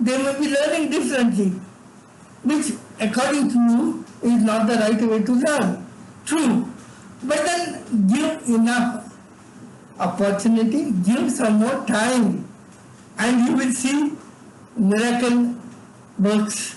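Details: Adult man with severe cerebral palsy from birth, involuntary tremors in all parts of his body, unable to talk until age eight; dysarthric speech in cerebral palsy, speech disorder not named directly.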